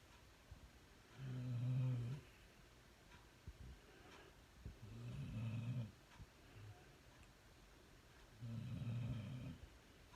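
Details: Dog curled up napping in owner's lap; three deep, rumbling snores at regular intervals, about 18 a minute, with quiet breathing between in a small room; snoring.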